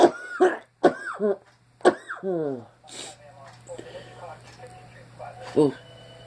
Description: Also was dealing with an allergic tickle in my throat causing me to cough as well.